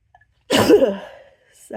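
A single sharp explosive burst of air with a voiced tail, then quiet: one sneeze.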